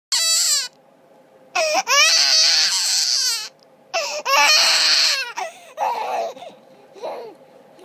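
A baby cries in loud, wailing bursts with short pauses for breath, fading to whimpers; an ordinary infant cry.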